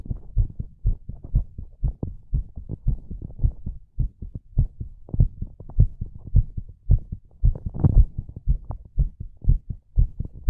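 Steady low thumping heartbeat, roughly 56 beats a minute in paired lub-dub sounds, with a faint hum underneath.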